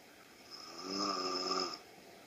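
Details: A single rattling, buzzing snore on an in-breath from a sleeping adult in a quiet room: snoring.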